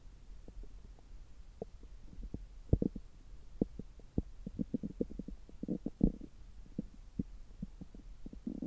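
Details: Abdominal sounds heard through a stethoscope about three hours after a meal: frequent irregular gurgles, clicks and rumbles; normal active bowel sounds.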